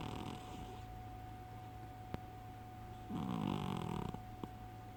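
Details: Fat sleeping cat snoring: loud buzzing snore over steady room hum, with fainter rough breathing before it.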